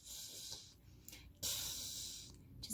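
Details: Speech therapist demonstrating a unilateral lateral lisp, air escaping out one side over the back of the tongue rather than out the front; unilateral lateral lisp.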